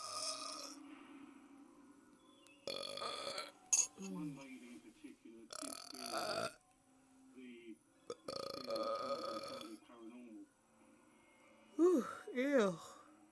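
Several drawn-out, gurgling burps between bits of speech in a quiet room.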